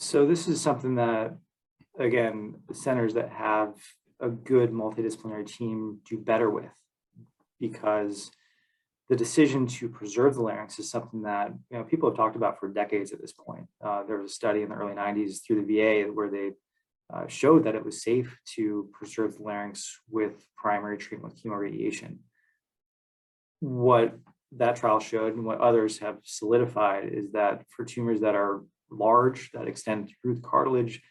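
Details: Adult male speaker; normal voice.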